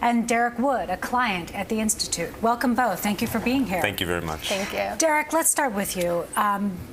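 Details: Adult woman speaking, with a brief reply from another adult; typical speech.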